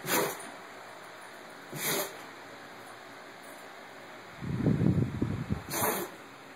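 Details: Dog having a sneezing attack right after shredding a stuffed toy, before playing: three short, sharp snorting sneezes with a rustling, snuffling scuffle between the second and third; repeated sneezing.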